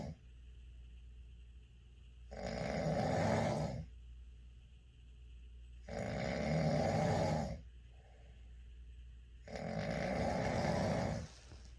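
Steady rough snores, about 16 a minute, with a low room hum between breaths. Snoring.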